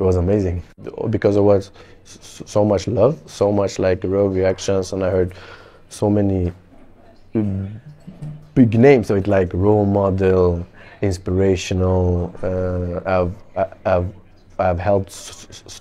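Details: Adult Swedish male footballer speaking English as a second language, stammering since about age six; stammering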